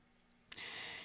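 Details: After a brief quiet pause, a sudden harsh, hissing breath continuing loudly to the end: stridor in a person with subglottic stenosis (narrowing just below the vocal cords).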